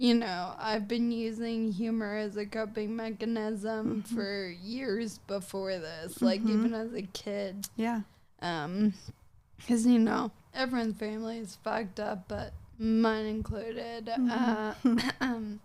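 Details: 26-year-old woman with Friedreich's ataxia, a progressive genetic disease of the nervous system affecting her coordination, speaking in a real interview; ataxic dysarthria (Friedreich's ataxia).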